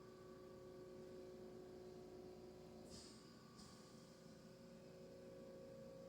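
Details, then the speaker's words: Home oxygen concentrator running in the background during a painting session: steady low mechanical hum with faint tones and a brief hiss near the middle. "sorry about that noise that's actually my oxygen machine running in the background if you hear that it drives it crazy"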